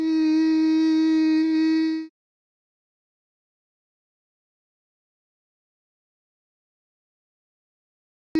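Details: Normal voicing with vocal cords together and vibrating on laryngoscopy, shown for contrast with abductor spasmodic dysphonia: normal voicing.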